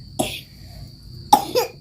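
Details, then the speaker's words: Cough from a child who came home from the garden coughing and vomiting after eating; medicine bought from the doctor; said to often bathe in rain and play in the heat; feverish, given kerokan; two short sharp coughs separated by a pause. "teman-teman pulang dari kebun tadi dengan batuk-batuk muntah ini makan langsung beli obat ke dokternya"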